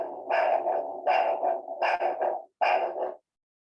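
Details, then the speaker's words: Arterial Doppler flow signal over a foot artery of the lower limb, with rhythmic pulsing whooshes at about 78 a minute, each beat in several quick parts; such signals can be monophasic, biphasic or triphasic. "You should obtain an arterial Doppler signal, which can be monophasic, biphasic, or triphasic."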